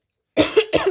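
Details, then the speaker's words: Adult woman talking gives two short, dry coughs in quick succession after a brief silence, then apologizes that her throat made her cough. "me fait tousser pardon excusez-moi il le chakra de la gorge qui travaille"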